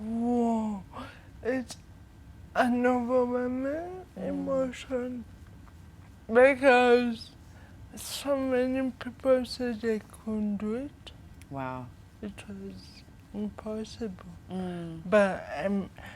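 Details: 25-year-old woman with cerebral palsy from birth brain damage due to lack of oxygen during her mother's prolonged labor, affecting leg and hand movement, coordination and speech; dysarthria (cerebral palsy).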